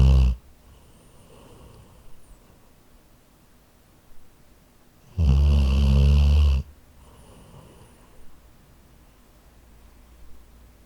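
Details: Labrador sleeping, recorded with a Zoom H4n recorder: loud, low, rattling snores, one long snore between quiet breaths, faint snorts in between; snoring.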